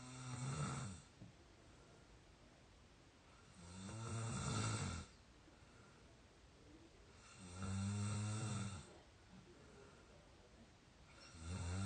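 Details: Real snoring from an exhausted 22-year-old sleeping deeply: regular loud rattling snores on each inspiration, about 16 a minute, with quiet breathing between; typical snoring.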